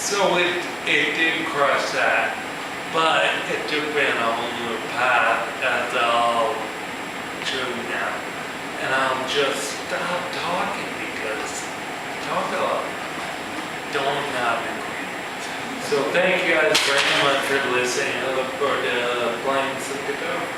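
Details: Man with ataxia, a progressive neurological disorder in which cerebellar cells die, affecting his balance and speech; he says his speech has improved; real ataxic dysarthria.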